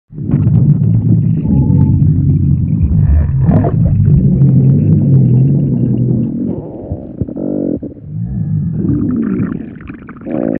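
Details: Stomach growling (borborygmi).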